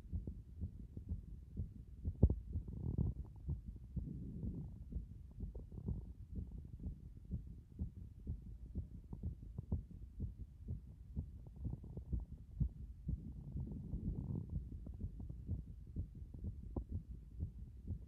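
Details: Heart sounds heard through a stethoscope at various chest positions: soft, low, repeated thumps under rubbing and handling noise.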